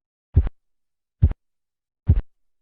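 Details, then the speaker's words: Phase 4 Korotkoff sounds heard during manual blood pressure measurement over the brachial artery as the cuff deflates: three soft, muffled low thumps at about 70 a minute, lower in pitch and intensity, marking diastolic pressure in children and some pregnant women. "la fase 4 va acompañada del clero ensordecimiento del ruido"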